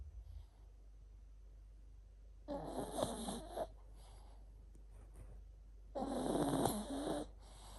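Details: Chihuahua dog snoring while asleep and dreaming: two rough, fluttering snores about three seconds apart, with a low hum in the background.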